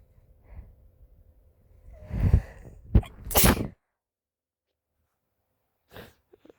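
A quick indrawn breath followed by two forceful sneezes in close succession, then a faint sniff.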